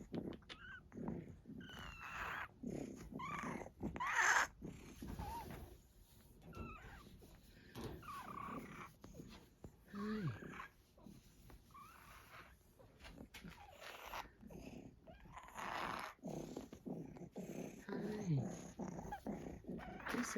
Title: Wheezy wheezing